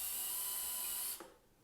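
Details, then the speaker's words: Dental implant removal using an implant extractor and trephine kit: high-pitched surgical handpiece whine, briefly running then stopping, as the trephine bur is seated to the bone floor and run a little at a time. "now I'm again I'm seated in there back to floor and then at this point I run the the treffen just a little bit at a time"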